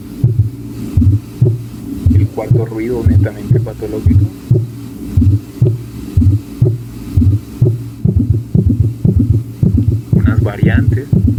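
Regular heartbeat at about 60 a minute with a soft whooshing sound between beats, a systolic murmur.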